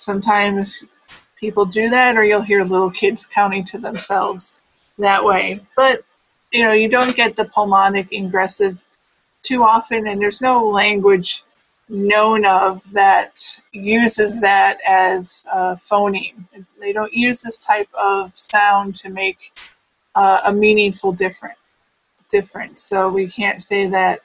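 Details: Adult speaker; normal speech.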